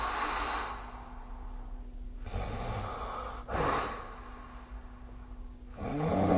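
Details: Snoring during sleep, recorded with the SnoreLab app: rough, noisy breaths every few seconds, some with low rattling vibration, over a faint steady room hum.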